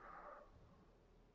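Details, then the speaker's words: Ordinary snoring from a sleeping dog: one brief rasping breath that fades into a low rumble, soft and quiet. "si vous entendez les ronflement de mon chien vous pouvez vous laisser bercer par ces ronflements"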